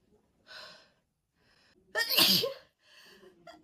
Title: Red-haired girl crazy sneezing fit pt. 2 edit loop 4 ½ minutes. #girlsneezes #sneezing #allergy